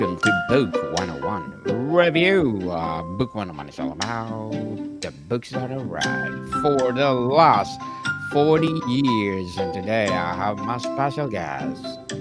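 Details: Adult male podcast host; normal speech.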